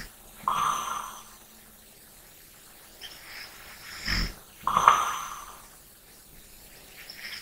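Soft, fluttering snores on two breaths, with quiet breathing between them in a still room. These are light snores during sleep.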